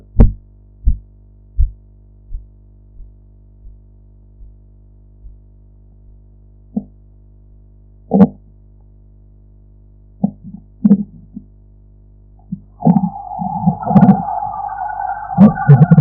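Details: Blood pressure practice with a sphygmomanometer: Korotkoff sounds, soft regular thumps about 85 a minute that fade away, followed by scattered knocks and tonal background noise.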